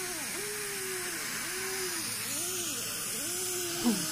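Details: Dental handpiece drilling a child's cavities at a dentist appointment: whining drill with pitch dipping and rising as it cuts, over steady hiss from water spray and suction.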